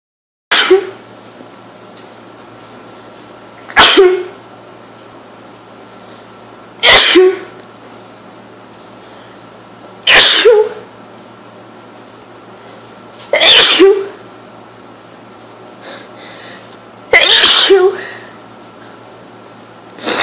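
Six sharp sneezes at regular intervals, about 18 a minute, over steady background hum; a sneezing fit with a cold.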